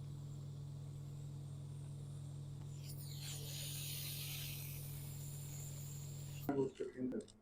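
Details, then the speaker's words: Ear wax removal by microsuction under a microscope in an ENT clinic: steady low hum, then a loud rising hiss and sucking noise ending in gurgling clicks as wax is cleared, exposing the eardrum. "अब आप देख सकते हैं कि मैं जो है वह माइक्रोस्कोप के जरिए जो है वह कान के अंदर से वैक्स निकाल रही हूं"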